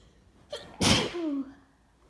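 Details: Tree pollen allergy during a morning sneezing fit: one sharp, wet, itchy "choo" sneeze after a brief intake of breath with little warning, followed by a short voiced trailing sound.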